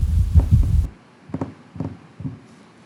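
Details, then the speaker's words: Heart failure teaching case: fast, low heartbeats with an extra soft, low-pitched third sound between lub and dub giving a galloping rhythm, an S3 gallop. "लब और dub के दरमियान कोई तीसरी sound आपको सुनाई दी है बैकग्राउंड में? बैकग्राउंड में क्या वो तीसरी साउंड जो है वो बहुत ज़्यादा शार्प थी, ऊंची थी, हाई पिच थी, या काफ़ी लो किस्म की लो पिच साउंड थी?"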